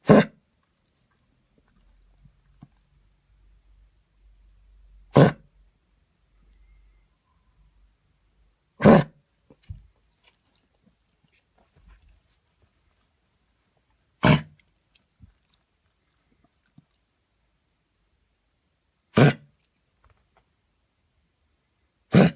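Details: Pet dog whose cough began while running in the park the day before and returned at 7 a.m., on and off for half an hour: six short, sharp coughs a few seconds apart in a quiet room.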